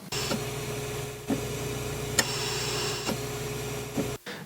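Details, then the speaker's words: Ventilator sound heard in the delivery room while the wife was in labor: steady mechanical whirring with a constant low tone and soft regular clicks. "is the sound of a ventilator which was what i was hearing at the time"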